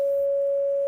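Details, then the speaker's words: Imitated flatline tone: a steady musical note of unchanging pitch and volume, likened to a heart monitor at flatline (asystole) or a brain monitor showing no activity. "that's the sound of a heart monitor when the heart is flatlined this is the sound of a brain monitor when there's no more activity going on in that brain this is the sound of death"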